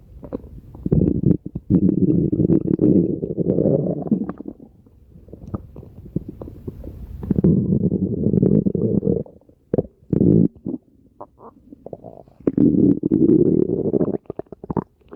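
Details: Stomach growling (borborygmi) from a woman's belly: loud gurgling and rumbling bowel sounds in long bursts with short pauses.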